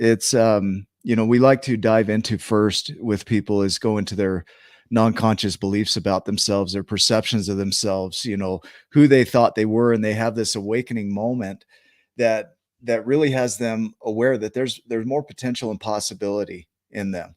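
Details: Adult male speaker; normal speech.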